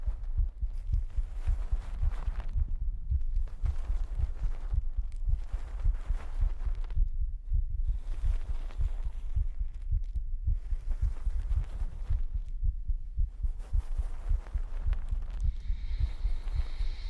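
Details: Pre-recorded heartbeat for an ASMR stream on a 3Dio binaural microphone: steady, soft, low thumps at roughly 55 beats a minute under a low hum; a normal heartbeat.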